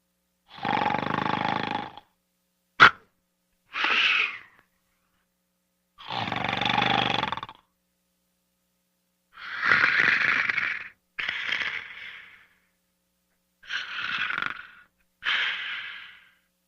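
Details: Snoring during sleep: loud, rough, rasping breaths in and out with silent pauses between them, about six breath cycles.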